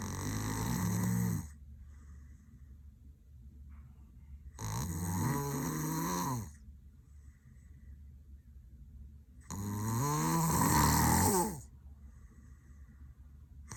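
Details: Boyfriend passed out asleep with eyes rolled and mouth open: loud vibrating snores with each breath in, about every five seconds, with quiet gaps between.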